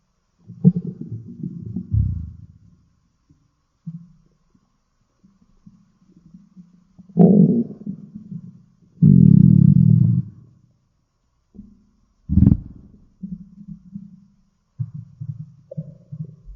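Low gurgling, bubbling rumbles in bursts with short gaps: stomach growling, ordinary bowel sounds.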